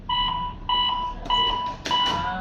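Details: Four evenly spaced electronic alert beeps from an AED training unit during a CPR demonstration with 30-compression counts and rescue breaths, faint room noise; AED trainer alert tone.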